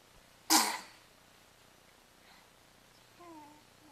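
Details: Infant aged 3 months and 4 days sneezing in a playard.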